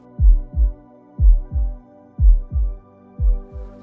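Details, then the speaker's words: Normal heart sounds of a Cavalier King Charles Spaniel dog, with no swishing mitral valve insufficiency murmur heard; a healthy heart. "so I can't hear that swish swish swish of a mitral valve insufficiency and murmur uh all I can hear is so that's great nice healthy heart"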